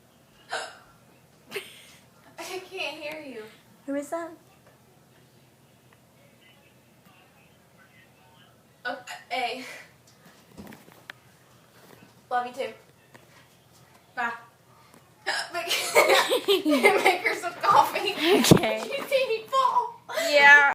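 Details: Girl with ordinary hiccups brought on by laughing: short, sharp voiced catches every few seconds between pauses, before laughter and talking.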